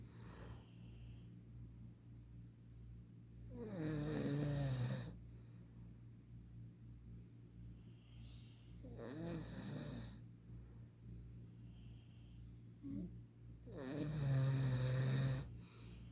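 Three loud, rough snores on the in-breath, about one every five seconds, with a steady low hum behind.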